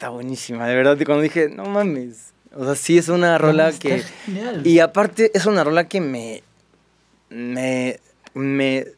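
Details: Mexican male singer who has stuttered since early childhood, cannot remember speaking without getting stuck, and reports not stuttering when singing; stuttering.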